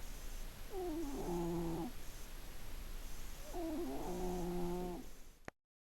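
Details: Obese cat with genetic health problems snoring in sleep: two drawn-out, buzzing, slightly tonal breaths about three seconds apart, roughly 20 breaths a minute, over quiet room noise.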